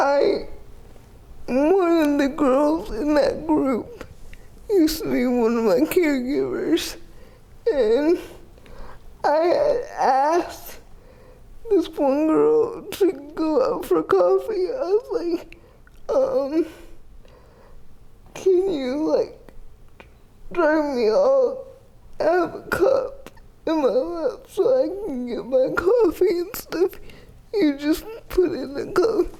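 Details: 30-year-old woman with GMFCS Level 4 spastic quadriplegic cerebral palsy with an athetoid component affecting arms, legs and trunk; uses a power wheelchair, repeated eye and hip orthopedic surgeries; dysarthria (athetoid cerebral palsy).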